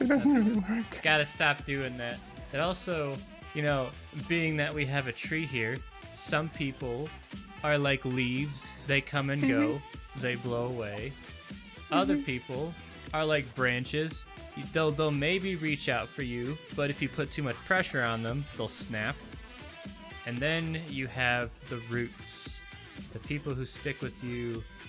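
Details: Adult speaker; normal voice.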